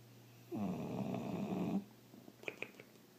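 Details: Snoring from a sleeping bulldog: one loud, rattling snore lasting over a second, followed by quieter snuffling sounds, described as a strange noise.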